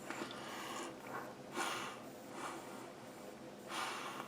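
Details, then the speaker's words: Adult with asthma breathing normally through a soft face mask on a portable EBL ultrasonic nebulizer with menthol pads; soft mechanical hum with several slow, regular breaths; nebulizer use with mask breathing. "and you breathe normally, and it seems to work perfectly fine."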